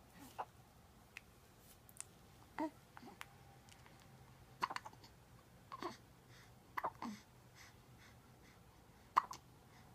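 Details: Pet with hiccups: quiet, brief, sharp catches repeating every second or two over a soft background hiss.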